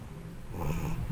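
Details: Cat sleeping; brief low rumbling snore, a soft rattling sound on the breath; snoring.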